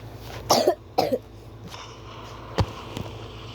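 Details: Two loud, harsh coughs in quick succession, then a couple of faint knocks in a quiet room during a casual recording; ordinary coughing.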